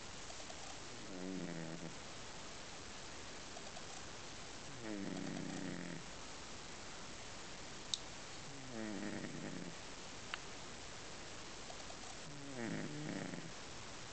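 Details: Sleeping cat: four soft, rattling snores a few seconds apart, one on each breath in, over steady low room noise; snoring.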